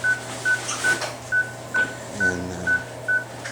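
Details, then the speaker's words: Animal under anesthesia during surgery: steady high-pitched anesthesia monitor beeps, about 140 a minute, each marking a heartbeat, with ECG and blood oxygen monitoring. "You can hear the little beep, beep, beep. And this is its anesthesia monitor with the beep, beep, beeps."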